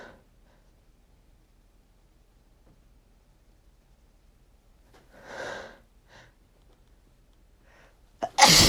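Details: Person sneezing for two days from dust while cleaning, not otherwise allergic, with a runny nose; sneezes described as chesty. Quiet room, a soft breathy build-up, then one loud explosive sneeze.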